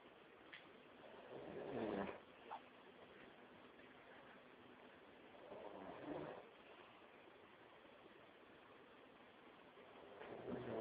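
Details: Dad asleep on the couch snoring: three slow, rough, throaty snores, roughly 14 a minute, with quiet gaps.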